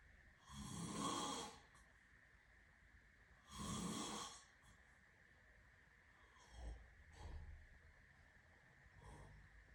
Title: snoring am 21.05.2023